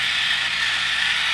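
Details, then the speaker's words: Steady hissing, rattling mechanical noise of a pulsed electromagnetic field (PEMF) therapy device running on the knee for early osteoarthritis pain and stiffness, aimed at activating cartilage chondrocytes. "chondrocytes are the cartilage secreting cells and we're going to try to activate them with the pulsed emf again the"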